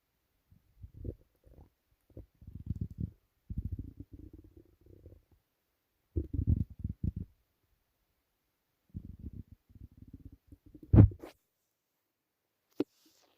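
Low gurgling, bubbling rumbles in irregular bursts with quiet gaps, typical stomach rumbling from gas and fluid moving through the gut.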